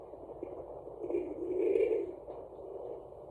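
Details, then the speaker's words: Fetal Doppler on a pregnant woman's abdomen, lying on a couch with legs down: irregular low rumbling and gurgling from intestinal gas rather than a heartbeat. "how you just heard could be gas because your intestines i was told by one of my doctors are mostly on your left side"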